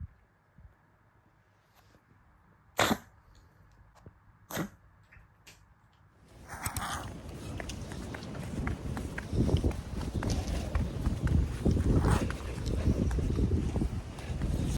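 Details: Dog in week 2 of coughing and nasal congestion, with rhinitis and tracheal collapse on X-ray: a few sharp snorting bursts, then a run of harsh, goose-like honking coughs.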